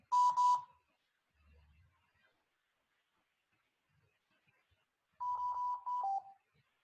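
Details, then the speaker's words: Two bursts of repeated electronic beeping separated by quiet come from a mechanical ventilator alarm. It signals minute volume (tidal volume × respiratory rate) out of limits, described as low minute volume, during a teaching class on basic mechanical ventilation with high respiratory rate settings. "que está chillando quién está marcando también pues no necesitan mucha ciencia está marcando el volumen minuto"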